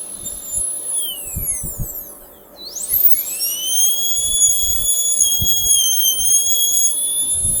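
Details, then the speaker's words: Dental air-rotor drill whine dropping in pitch under load and rising when spinning freely, over faint room noise. A straight bur widens an occlusal-pit cavity during conservative cavity preparation for a glass ionomer cement restoration demonstration. "We can now use a straight bur so as to widen the cavity."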